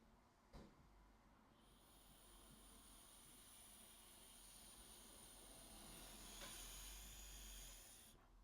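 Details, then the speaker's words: Doctor demonstrating a pressurized metered-dose inhaler with spacer: a click of one spray with tight mouth seal, then a long soft hiss of slow exhalation through the spacer filter; correct slow-breath technique. "That's the air coming out slowly from my mouth through this filter. And it's just ensuring that that medication is staying in my lungs as long as possible."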